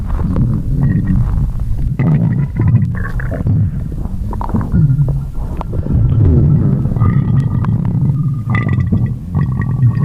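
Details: Loud, continuous low gurgling and growling with squeaky rising tones: the normal rumbling of an empty stomach (borborygmi).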